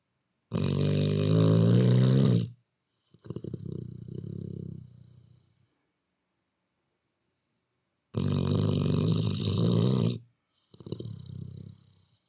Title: I shall snore yall